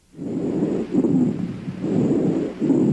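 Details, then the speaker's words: Teaching example of rhonchi for pre-hospital providers, contrasted with wheezes: low-pitched, rumbling, snore-like sounds through each breath phase; longer and more musical than crackles; rhonchi. "compared to crackles wheezes and rohnke I last much longer and sound more musical wheezes are relatively high pitched and have a hissing or shrill quality rohnke I have a lower pitch snoring quality"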